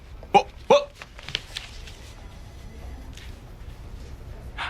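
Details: Simulated vocal tics of Tourette syndrome in an adult man, acted in a film: two abrupt, sharp vocal yelps in quick succession, then a few fainter clicks and noises in a quiet room.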